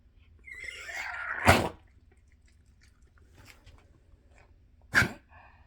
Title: coughing in night 4-17